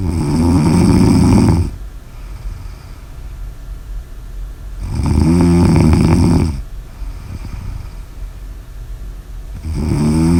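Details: Snoring: loud, deep, rattling snores about every four seconds, around fifteen breaths a minute, with softer breathing between them.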